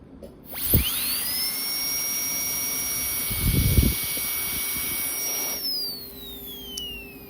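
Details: Dental flap procedure while extracting a lower tooth, switching from a taper bit to a number 2 round bur to remove bone over the roots: a high-pitched whine spinning up, running several seconds, then winding down; high-speed dental drill.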